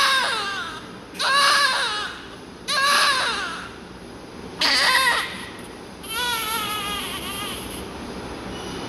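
Four strong rhythmic cries, each about a second long, with clear pitch and pauses between: a healthy newborn cry.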